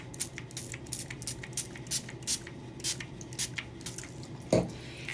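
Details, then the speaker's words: About a dozen short hissing spray bursts of skin barrier spray applied over stoma powder around a stoma, before placing the barrier wafer. "So I have my STO powder right barrier spray."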